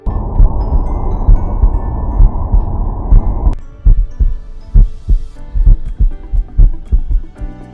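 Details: Regular low heart thumps at about 66 a minute, heard through a Stemoscope PRO wireless stethoscope, with music behind.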